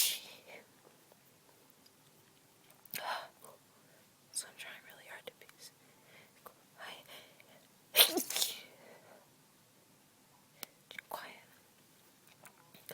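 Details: Several short, muffled sneezes from an adult deliberately trying to stifle them, with quiet breaths between; sneezing after cleaning a dusty closet, possibly dust, with lingering congestion from a recent illness; stifled sneeze.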